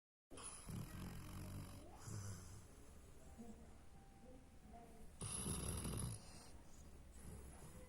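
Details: Hachiko, a sleeping animal, making low, rough, rattling breathing noises with louder bursts on inhalation; snoring.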